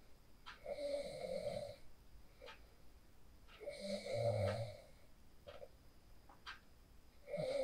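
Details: Snoring from a person sleeping after practicing the 4-7-8 breathing technique, recorded on a phone: slow rattling snores, about three breaths in eight seconds, with quiet room noise between them.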